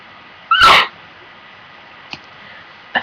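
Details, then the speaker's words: One sharp, explosive sneeze followed by quiet sniffs from a person with bad allergies who says they cannot control their nose; sneeze. "I have bad allergies right now so that's the end of this video I'm sorry she will had no control of my nose right now"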